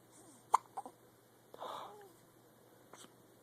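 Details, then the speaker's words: Baby boy with hiccups, one eye open: soft, abrupt little catches of breath, quiet hiccups amid faint room noise. "Hiccups. It's Hiccups. You got them hiccups?"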